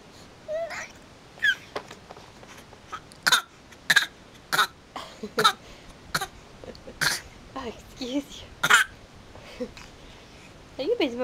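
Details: A string of short, sharp cough bursts, deliberately faked rather than a natural cough.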